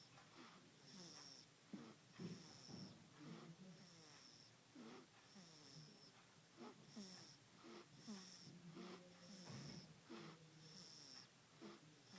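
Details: Baby snoring during sleep: quiet, steady snuffling snores with squeaky whistling notes on the breaths, under a noisy hiss.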